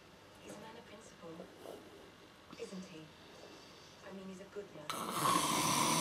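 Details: Man asleep on a sofa late at night, bad snoring: rough, rattling snores with each breath in a quiet room, ending in a loud burst of noise.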